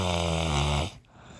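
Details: Sleeping person snoring early morning, about 4:46 a.m.: a single loud, rattling snore on the in-breath, then quiet; ordinary snoring.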